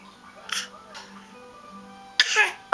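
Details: An infant boy, asked "where's your cough", gives short, breathy pretend coughs, a playful imitation rather than an illness cough; voluntary (fake) cough.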